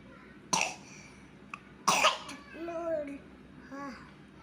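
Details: 3-year-old boy with a cough while learning to read: two short, sharp coughs followed by a few soft vocal sounds.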